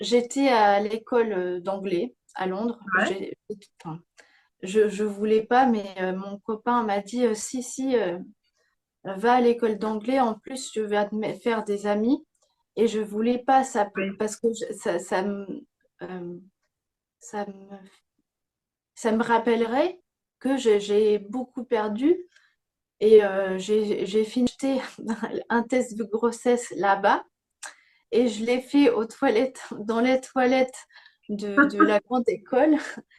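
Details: Young woman with aphasia after a stroke at age 22; speech and grammar were severely affected, with persisting word-finding difficulty, self-corrections and repetitions; aphasia after stroke.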